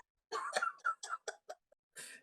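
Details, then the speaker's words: A man's laughter breaks into a run of short, harsh, wheezy coughs that he says sound like asthma though he has none; laughter-induced cough. "i have that old man cough now when i start to laugh like i'll just start coughing you too yeah you know oh do i it's like a wheezing cough yeah dude it sounds like i have [ __ ] asthma or something but i don't i'm just laughing like i smoked cigarettes my entire life"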